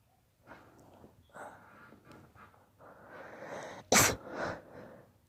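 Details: A daughter's rapid sneezing fit from allergy: a quick run of sharp sneezes, one especially loud, with breaths drawn in between.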